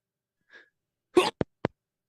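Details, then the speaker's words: An adult speaker sneezes during a live podcast and tries to mute it: a faint inhaled breath, then one loud explosive sneeze followed by two short sharp clicks. Sneeze. "that was a big sneeze. That was me sneezing."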